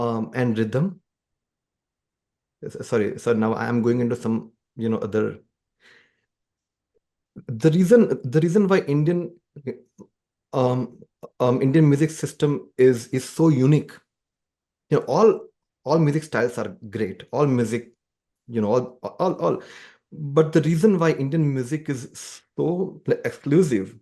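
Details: Adult man described as a person who stammers, speaking conversationally; stuttering (stammering).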